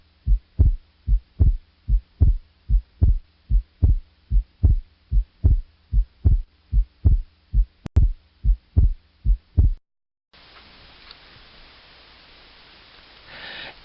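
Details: Fixed split S2.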